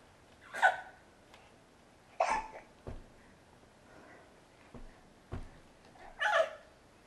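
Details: Person sitting at a table with a persistent case of hiccups; several brief, abrupt voiced catches at irregular intervals in a quiet room, with softer clicks between.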